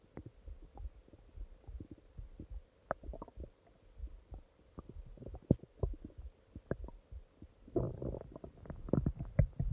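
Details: Stomach growling at night (part 2): low gurgling and rumbling from the abdomen in irregular bursts, louder near the end; normal bowel sounds.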